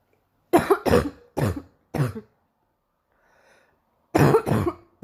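Six harsh, loose cough bursts, in pairs and singles, with a brief pause; a morning cough.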